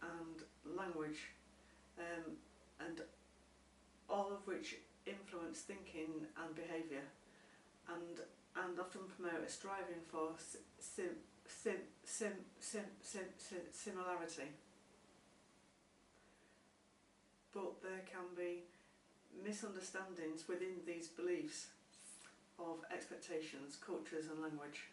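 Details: Stammering with word repetition in an adult woman, a former speech and language therapy client, whose identical twin also stammers.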